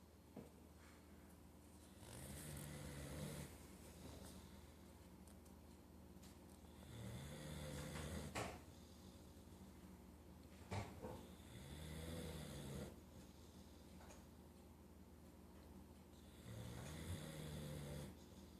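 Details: Boxer dog, worn out and sleeping: four slow, regular rumbling snores with a low buzzing tone on each breath, about 13 breaths a minute, in a quiet room; snoring.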